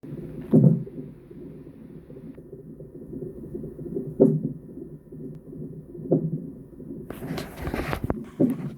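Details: Soft, low, jerky infant hiccups every couple of seconds, recorded over a baby monitor with faint hiss and a brief rustle near the end.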